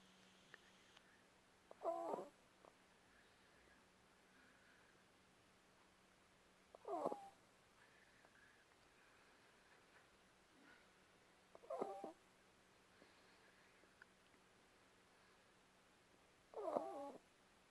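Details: A cat gives four brief squeaky, whistling breath noises about every five seconds in a quiet room: wheezing.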